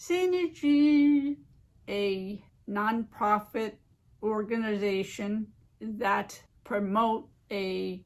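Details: Adult living with aphasia and apraxia of speech following a stroke 15 years ago; aphasia with apraxia of speech.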